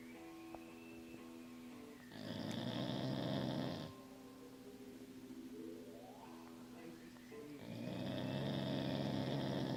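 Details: Sleeping pit bull snoring: two long, rough, rattling snores on the in-breaths with quiet pauses between and faint tonal background sound.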